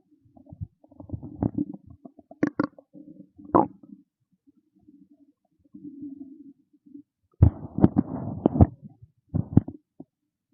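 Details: Hunger stomach growling: loud, irregular gurgling and rumbling bursts with quiet gaps from an empty stomach; stomach growling (borborygmi).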